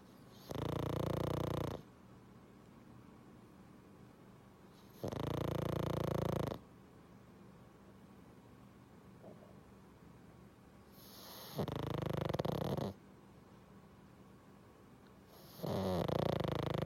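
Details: Pug napping, giving loud, deep, rumbling snores, about 15 a minute, with quiet pauses between; snoring.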